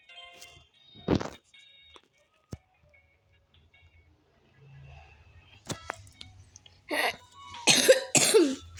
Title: maaf guys suaranya agk ga kedengeran lagi batuk guys maaf ya kalau jlk jangan lupa subcribe dn like